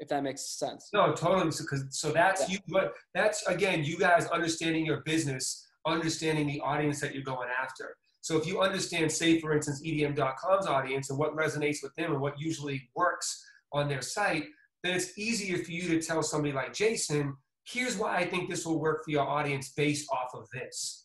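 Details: Adult male speaker; normal speech.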